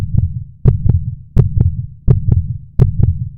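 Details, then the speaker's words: Regular paired lub-dub heart sounds at about 85 a minute with a clear pause between beats, played to illustrate systole and diastole in a blood pressure explainer: normal heartbeat. "the first value is called the systolic pressure it shows the pressure in the arteries when the heart beats so while it is wheezing and pumping out of blood into the vessels listen to this"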